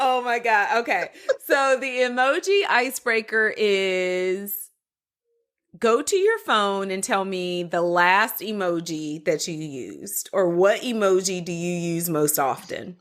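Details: Adult woman; typical speech.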